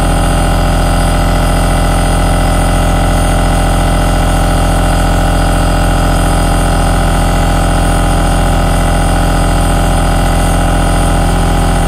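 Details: Aerosol nebulizer running, a steady low mechanical hum with a fast, even pulsing throb throughout.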